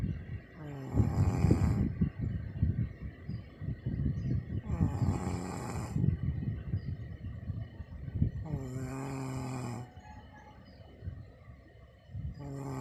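Loud, rough, fluttering snores every three to four seconds, about 16 a minute, some ending in a tonal drone; adult snoring in sleep.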